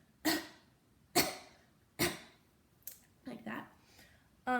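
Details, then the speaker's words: Demonstrated splinted cough for post-op patients, e.g. after CABG: pillow pressed over the incision with pressure to minimize pain. Three short, controlled single coughs followed by quieter huffs. "so that I got to put the pillow right over the incision apply some pressure and when they cough it should minimize the pain that they have"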